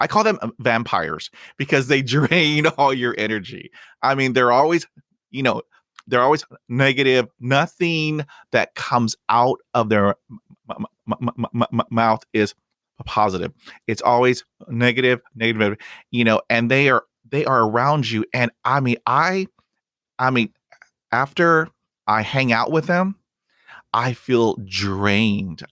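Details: Adult who stutters, speaking English as a podcast host; stuttering.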